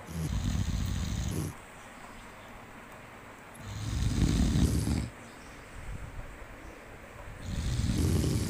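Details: Monkey sleeping, with loud, low rumbling snores on each breath, about three in eight seconds with quiet pauses between; snoring.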